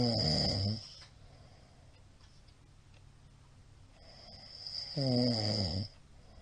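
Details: Loud snoring from a sleeping middle-aged man, recorded 28 March 2022: two loud, rough, rattling snores about five seconds apart with quiet breathing between.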